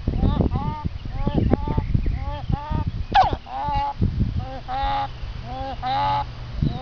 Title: Chicken wheezing and honking